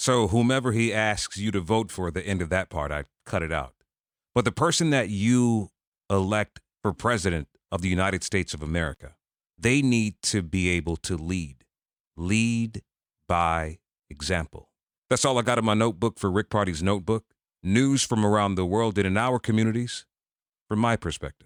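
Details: Adult male speaker; typical speech.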